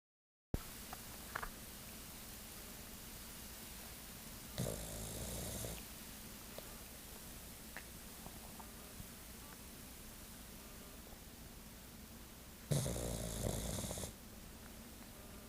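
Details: Pug dog snoring while trying to nap, eyes not staying closed: two rasping, rattling snores about eight seconds apart over steady low room hum.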